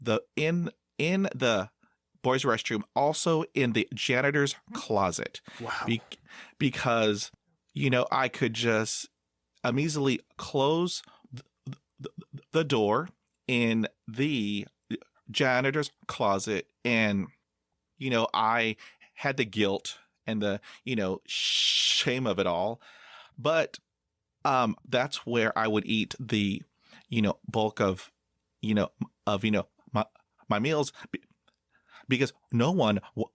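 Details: Stuttering in a 22-year-old man who has stuttered his whole life (lifelong developmental stuttering), now reporting confidence and acceptance since starting college.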